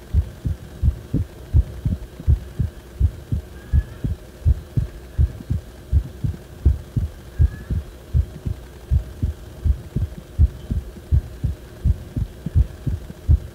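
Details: Heart sounds recorded when the heart felt wrong: regular low beats about 82 a minute over a steady hum; abnormal heart sounds of unspecified type.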